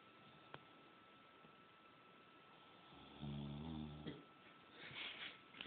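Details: Someone asleep during an overnight study session snores: one low, buzzing, rattly snore lasting about a second rises from quiet room noise, followed by a faint rustle; snoring.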